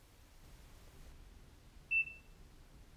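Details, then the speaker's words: Quiet room, then a single short electronic beep as an Aquadex SmartFlow ultrafiltration console is powered on with the on/off button at the bottom of the interface panel. "start by turning the system on by pressing the on off button at the bottom of the interface panel"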